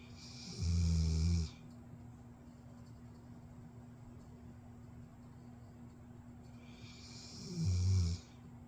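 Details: Dog snoring in sleep: two loud, low, rumbling snores about seven seconds apart over a steady background hum.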